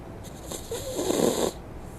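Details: Sleeping dog, referred to as "she," snoring on a livestream: a single short, rough snore on the in-breath with faint room noise, ordinary snoring.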